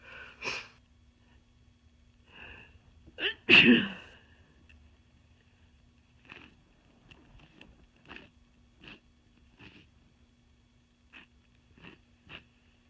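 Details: Person with a cold: a single loud, forceful sneeze among big congested nose blows and short sniffs in a quiet room; sneezing.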